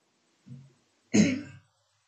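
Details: 13-year-old boy with Tourette's syndrome: a soft grunt followed by a sharp throat-clearing burst, a simple vocal tic.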